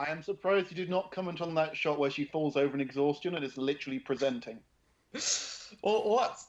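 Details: Adult male speaker; ordinary speech.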